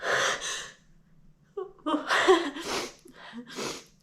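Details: Person deliberately trying to hold back sneezes (sneeze edging): sharp gasping in-breaths and forceful nasal bursts as the sneeze builds and breaks, with a few catches before release.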